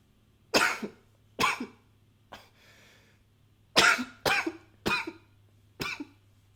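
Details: Seven sharp, forceful, dry-sounding coughs in uneven bursts, recorded with a new high-fidelity microphone, with a brief nose blow partway through; cough.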